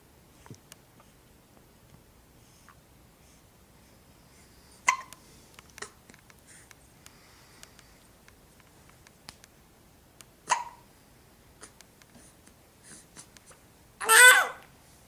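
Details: Short, sharp, high catches spaced several seconds apart in a quiet room, with a brief fuss at the end, from a four-week-old infant; infant hiccups.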